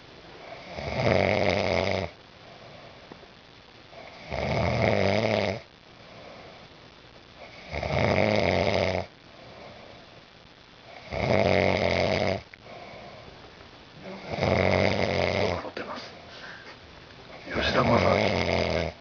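Loud, rough snores on each in-breath, about 18 a minute, with quieter breathing between them; ordinary snoring in a small room.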